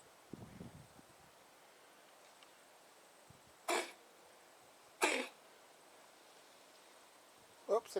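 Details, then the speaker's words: Small male kitten on medicine coughing: three short, soft, dry hacking bursts a few seconds apart in a quiet room; owner jokes he swallowed spiders the wrong way. "What's the matter? Some of those spiders go down the wrong way, did they?"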